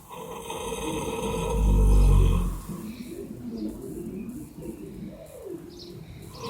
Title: Horse having a snore